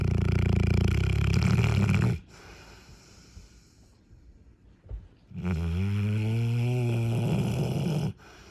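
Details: Two loud, deep, vibrating snores a few seconds apart with a quiet pause between, loud enough to drown out a movie; snoring.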